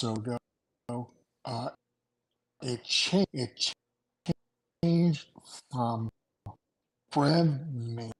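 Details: Aphasia in an adult male after two strokes in November 2017, with short-term memory problems, right-sided weakness, an unusable numb right hand and ten seizures since the strokes.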